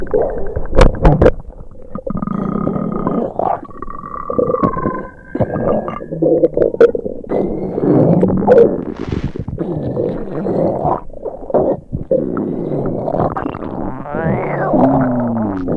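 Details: Simulated upset-stomach sound effect: long, loud gurgling and groaning rumbles with squeaky rising and falling tones, imitating stomach rumbling.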